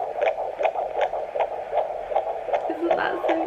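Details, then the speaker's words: 19 weeks pregnant, baby girl, heartbeat heard for the first time: fast regular whooshing fetal heartbeat at about 155 a minute on a Doppler monitor. "I heard her heartbeat for the first time um today actually I will play it for you"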